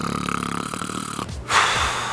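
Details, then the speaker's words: Human snoring: a rattling, fluttering inhaled snore, likened to a pig snort and someone about to spit, followed by a short pause and a breathy exhale. "The sound itself is obviously annoying. It sounds like a combination of a pig snort and someone about to spit, and also the repetition is really annoying."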